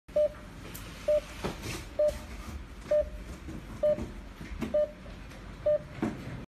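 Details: Steady short electronic beeps, about one a second, over room noise from a BPM-M1208 patient monitor during normal operation; patient monitor beeping.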